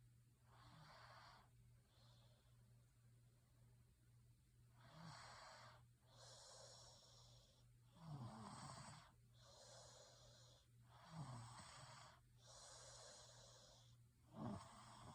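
Rough, rattling snores with each breath, roughly every three seconds, over a steady low background hum.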